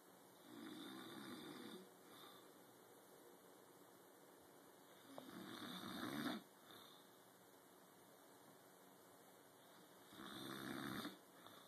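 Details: Soft, regular snores about every five seconds, roughly 12 a minute, over steady room hum; ordinary snoring.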